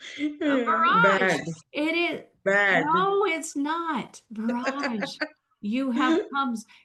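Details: Adult woman, former ophthalmologist, with aphasia after a stroke, still recovering speech with speech-language therapy; real patient; aphasia.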